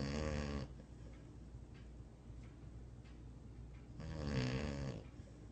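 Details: Sleeping dog: two rattling, rumbling inhaled snores a few seconds apart, with quiet breathing between; snoring.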